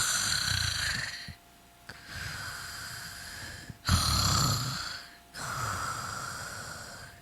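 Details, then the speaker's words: Imitated loud, rattling snoring broken by brief silent breathing pauses (apneas), showing obstructive sleep apnea; louder snoring and more pauses mean greater severity. Snoring with breathing pauses. "Y luego otra vez esta es un ronquido que va acompañado de pausas respiratorias que son apneas del sueño, apnea obstructiva. Entonces, entre más fuerte es el ronquido y entre más pausas haya, quiere decir que hay una mayor severidad."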